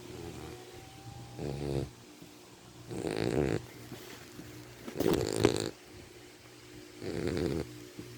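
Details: Sleeping puppy snoring: four rough, rattling snores about every two seconds, with quiet pauses between them.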